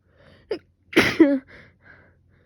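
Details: Short catching breath, then one sharp explosive sneeze with a voiced tail and quieter breaths; part of a sneezing fit the previous day during an illness with fever, now with a sore throat from coughing and sneezing.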